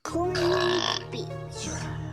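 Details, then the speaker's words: Girl burping in a burping contest: a long, loud voiced burp lasting about a second, then a shorter second belch, faint background music. "you're going to kick my ass in this contest i got nothing i mean they're just coming out of everywhere with you"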